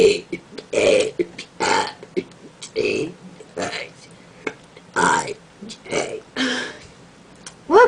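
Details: Deliberate voluntary burping, burping letters of the alphabet, done without having drunk soda: a string of loud, drawn-out voiced belches, several in a row, in a small quiet room.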